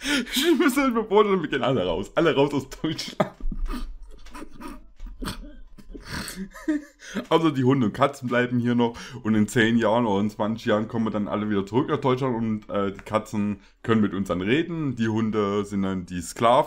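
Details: Adult male speaker; normal speech.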